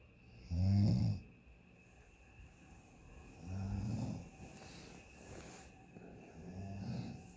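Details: Person sleeping in a hotel room on vacation around 12:37 a.m., continuous "freight train" snoring: three loud, low, rattling snores on inhaled breaths, about 20 a minute, quiet pauses between; ordinary snoring.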